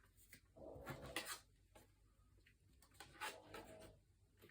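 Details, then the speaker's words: Two soft, rasping snorts about two and a half seconds apart in a quiet room from a sleeping female dog snoring. "You can hear my dog snoring. She's such a little angel."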